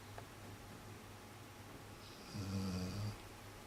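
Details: Low, rattling snore on an in-breath against quiet room noise; snoring from Champ, previously mistaken for Maxine's.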